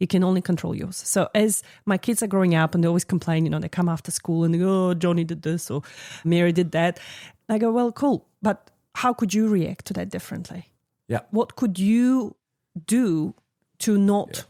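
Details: Adult speaker in conversation; typical speech.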